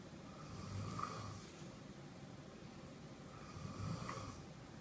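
Two slow, low rattling snores about three seconds apart, each on a breath in, with soft room noise: ordinary snoring.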